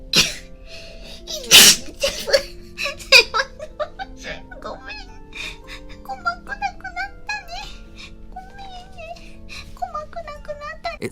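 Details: Sneeze from a VTuber in an edited clip: one loud, sharp, explosive sneeze near the start, followed by voice sounds over background music.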